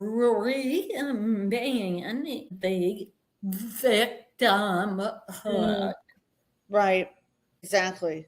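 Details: Adult woman with a vocal tremor that she and the host attribute to over 50 years of narcissistic abuse and trauma beginning at age five, manifesting after decades of abusive relationships; vocal tremor.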